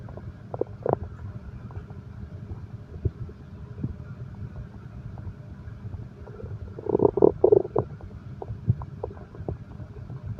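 Low gurgling rumble rising to a brief louder growl over soft background noise; ordinary stomach growling.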